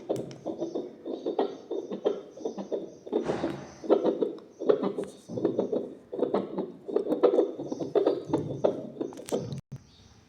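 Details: Demonstration of an L6H handheld fetal Doppler with gel, probe placed directly over the heart: rhythmic whooshing pulses, heartbeat signal at roughly 78 beats a minute, rate shown on screen.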